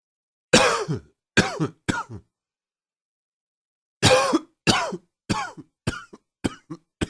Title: Coughing 33